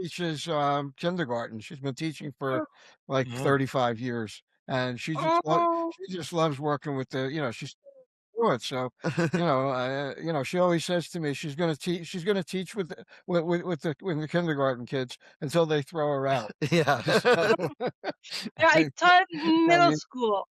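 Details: Adult man, stroke survivor about nine years into recovery, still having difficulty finding words, with repeated words; aphasia after stroke.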